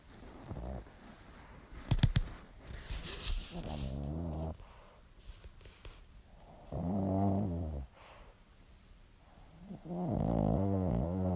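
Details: Low, rumbling, buzzy snores at intervals with quiet gaps and some rustling in between, from a "lil man" sleeping; ordinary snoring.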